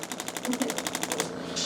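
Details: Radial shockwave therapy on the lateral leg of an adult chiropractor with a running injury, in a treatment lasting just under 9 minutes: rapid, even mechanical tapping pulses, about fourteen in just over a second.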